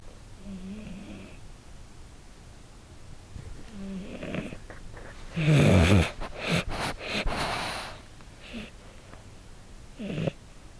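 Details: Sleeping male red tabby American Shorthair cat, born March 2013, recorded with a lavalier pin mic, uncertain whether snoring or sleep breathing: soft, low snuffling breaths with one louder snort-like snore in a quiet room.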